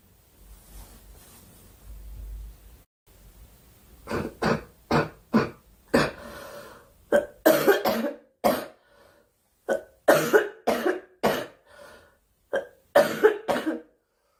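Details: A girl, who says she is sick and wants the coughing to stop, gives repeated short, dry coughs in quick bursts, about a dozen, with brief pauses between clusters; cough.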